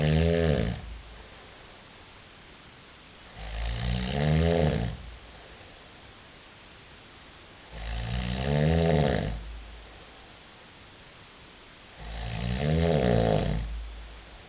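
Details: Man snoring at night while travelling with companions: loud, rattling snores on each in-breath, about 14 a minute, with quiet pauses between; regular, relentless snoring.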